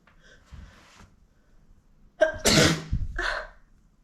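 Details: A woman's pollen-triggered rapid sneezing fit: a sharp in-breath, then one loud explosive sneeze and a softer trailing burst.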